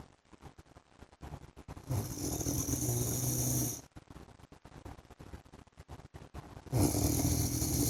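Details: Husband's heavy snoring while asleep: two long, loud, rough snores on breathing in, separated by quieter crackly breathing.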